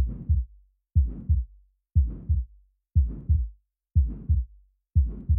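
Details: Simulated aortic stenosis heart sounds from a 3D animation: about 60 beats per minute, rough ejection murmur filling systole between the heart sounds.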